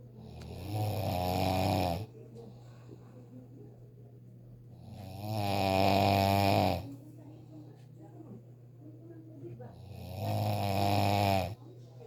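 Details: A deliberately produced snore made through the nose with the mouth closed: three slow, deep, rumbling snores at about 13 per minute.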